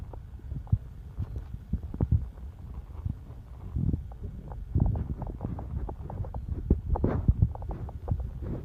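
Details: Low gurgling and bubbling rumbles from the belly: stomach rumbling, ordinary bowel sounds (borborygmi) of gas and fluid moving through the gut.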